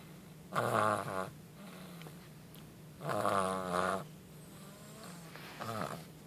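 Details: Fluttering, buzzing snores with softer snorting between them, irregular, about 20 to 24 a minute, in a sleeping dog: snoring.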